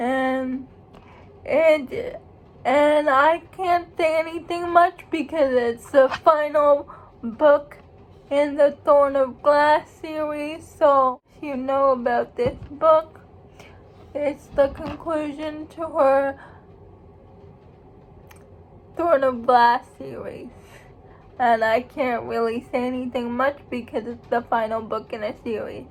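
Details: Adult woman who states she has cerebral palsy, real condition; dysarthria (cerebral palsy).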